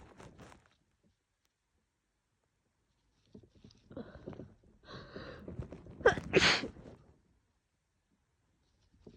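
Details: Woman with a cold combined with allergies, congested, sneezing on and off all day; short breathy build-ups ending in forceful wet sneezes; repeated sneezing.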